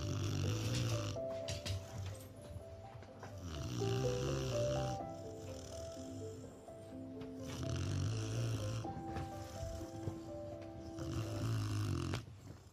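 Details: Presa Canario puppy snoring while asleep: loud, low, rumbling snores about 17 a minute, with background music; ordinary snoring.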